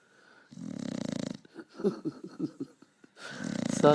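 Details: Pug, a flat-faced dog, asleep on a sofa: loud fluttering snores with snorts and sputtering between breaths, snoring.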